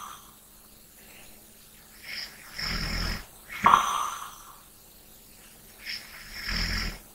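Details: Rough, rumbling snores on breathing in alternating with softer breaths out, about three snores in seven seconds: snoring with light breathing.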